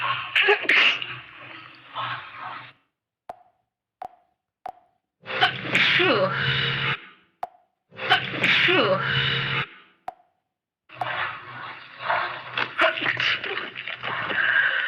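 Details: Several loud, explosive sneezes with sharp breaths in and brief clicks, self-induced by a person with a cold; repeated sneezing.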